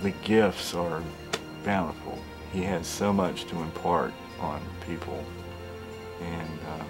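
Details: Adult male speaker with background music; ordinary speech.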